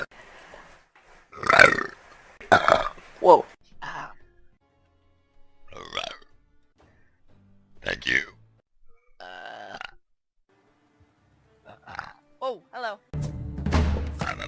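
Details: Girl burping: a series of loud, drawn-out belches with brief talk and background music between them; repeated burping.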